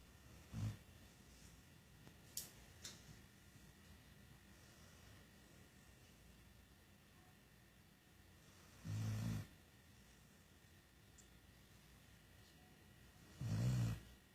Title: Putush(dog) snoring like humans!!!